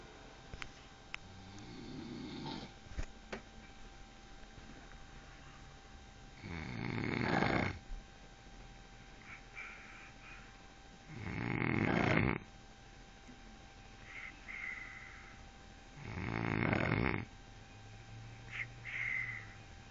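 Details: Three loud, rough snoring breaths about every five seconds (about 12 a minute), steady room hum; snoring.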